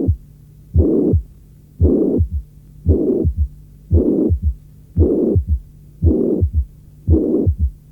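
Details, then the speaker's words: Mitral regurgitation without mitral stenosis: third heart sound followed by a brief, distinct mid-diastolic rumble that begins with the third sound; audio from a 1981 cardiac auscultation teaching course. "En l’absence de sténose mitrale, on peut parfois percevoir un bref roulement mésodiastolique bien net, qui commence avec le troisième bruit."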